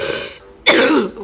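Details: A single harsh cough or throat clear after a brief pause, from a sick player coughing while playing Stumble Guys.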